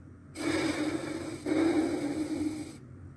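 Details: One smooth inhale and exhale from a simulated adult patient in a virtual clinical exercise: respiration rate 16, normal, regular, unlabored breathing.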